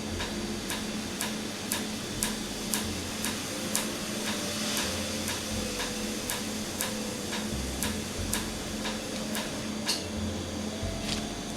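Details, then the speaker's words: Laser tattoo removal on numbed skin with cooling air, ink frosting over as hit: sharp regular snapping clicks about two a second over steady machine hum and airflow. "Okay, so you see that it looks like the color gets hit and it looks like it like frosts over."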